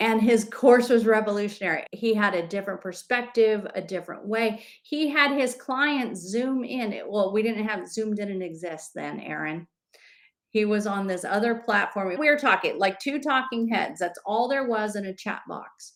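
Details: Adult woman speaking; ordinary speech.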